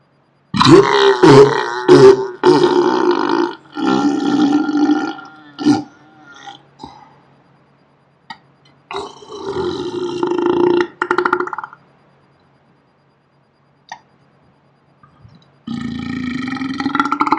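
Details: Deliberate burping played back in slow motion: several loud, long, rumbling burps with short pauses between them.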